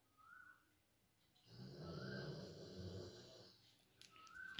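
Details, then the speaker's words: Snoring heard from a sleeping girl at midday, the speaker inviting listeners to hear how she snores. "আমাদের লাট সাহেবের বেটি দেখো বন্ধুরা নাক ডাকছে, ভালো করে একটু শোনো তোমরা।"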